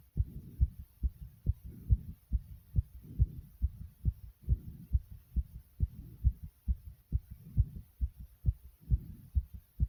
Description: Here is another 1 of my heartbeat vids after exercise